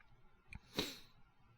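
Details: Acted sneeze by a male voice actor playing a feverish, sick boyfriend in a fictional scenario: brief intake of breath, one sharp hissing burst, soft trailing breath; all acted.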